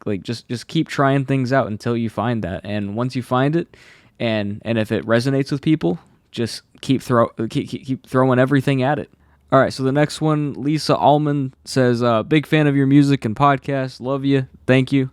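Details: Adult man who has stuttered since childhood, saw a specialist which helped for a while, and says anxiety worsens it; stutters are left unedited here.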